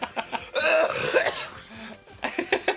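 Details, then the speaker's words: A harsh, rough cough burst with brief vocal sounds before and after, from an adult man. "All right. I have a cough because I was sick. I'm no longer sick."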